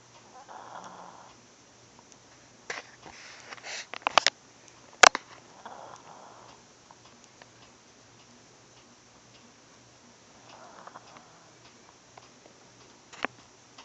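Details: Sleeping Chihuahua snoring: soft, airy snores roughly every five seconds (about 12 a minute), with a few clicks and handling noises.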